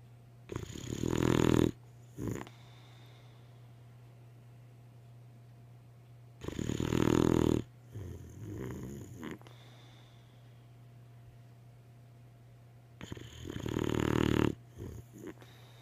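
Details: Three loud, rumbling snores about six seconds apart, roughly ten breaths a minute, with softer snuffling between, over a steady low hum, from a sleeping boxer dog: snoring.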